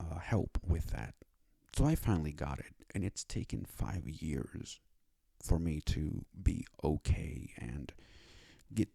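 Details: Adult male with cerebral palsy and a self-described speech disability, who needed five years to obtain speech therapy; dysarthric speech in cerebral palsy.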